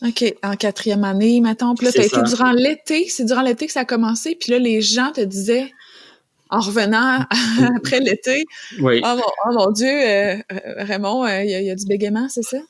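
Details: Adult woman speaking French; no speech disorder.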